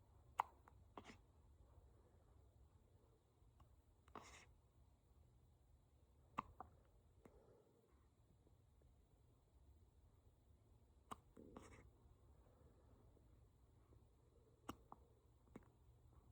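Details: Brief sharp catches from a person, repeating irregularly about ten times a minute in a quiet room; hiccups.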